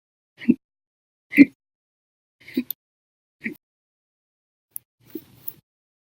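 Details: Short, abrupt hic sounds repeating about once a second over quiet gaps, then fainter ones; a violent, persistent bout that lasted 13 hours after breakfast, lunch and a cup of soda after dinner; hiccups.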